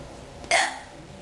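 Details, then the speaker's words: Person with a hiccup attack: a single abrupt, short gulping burst against room noise; a hiccup. "I think I've suffered Enough hiccups for One Day"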